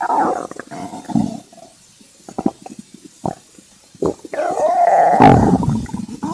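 Loud, drawn-out growls and squeaky gurgles with short pops between them, typical of a hungry stomach rumbling.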